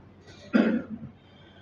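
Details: Single harsh cough with a short throat-clearing tail from a Quran reciter who has a cold and flu, recorded while performing tilawah at a wedding; a cough.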